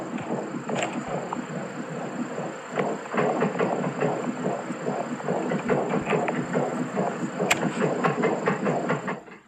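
Fast whooshing galloping pulses of about 140 a minute through static; a fetal heartbeat on a Doppler monitor.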